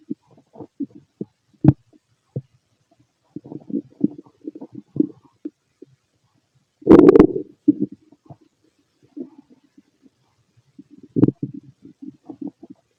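Scattered gurgles and bubbling rumbles with a few louder squelches, typical bowel sounds of an empty stomach.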